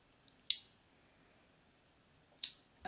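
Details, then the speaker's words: Simulated ASMR chiropractor roleplay for TMJ with neck and shoulder pain: a spring-loaded "structural gun" adjusting instrument makes two sharp, isolated clicks about two seconds apart in a quiet room as it adjusts the joint (chiropractic adjusting instrument clicks). "so i'm going to start with a structural gun it's not a real gun but it just kind of pops the joint back into place so you'll hear a little clicking noise okay"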